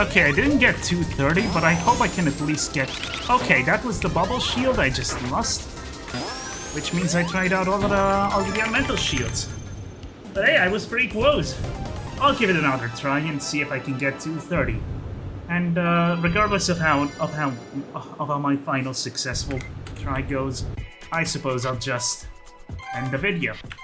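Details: Stuttering in an adult male who calls his own speech a stuttery mess; repetitions of words and phrases throughout live gameplay commentary.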